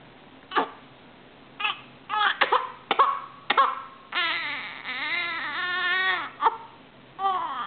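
An infant gives sharp, abrupt catches, each followed by brief crying and whimpering: hiccups interrupting a baby's cry.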